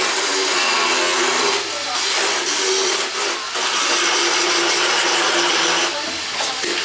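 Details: Continuous high-pitched grinding whine: a motorized dental float rasps a horse's teeth during a veterinary equine dental exam.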